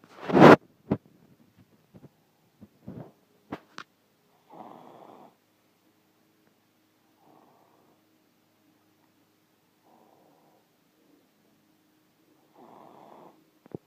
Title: Toddler snoring